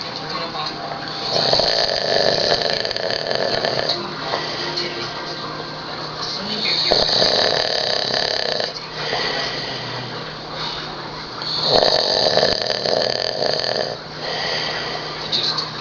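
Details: Snoring from a man asleep after drinking almost a case of beer: steady, rattling snores repeating about every five seconds, roughly twelve breaths a minute.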